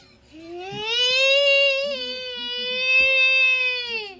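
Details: Infant crying during tummy time: a sustained, steady-pitched cry with a wavering tone, over faint background music.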